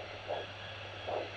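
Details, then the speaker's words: Two rhythmic whooshing pulses over steady machine hum from a handheld Doppler on the dorsalis pedis artery of the foot, in a wound consultation; normal, well-functioning arterial flow. "On peut rapidement, avec un Doppler portatif, enregistrer, voir si les artères fonctionnent. Donc on va se mettre sur l'artère pédieuse"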